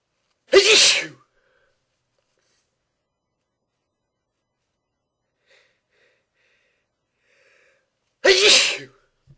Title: Some more sneezing